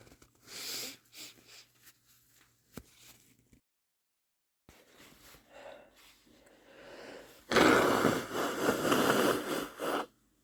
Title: strong sniffly sneezes + blow (m)